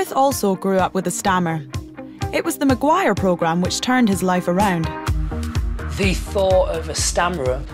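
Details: Adult female narrator with background music; normal speech.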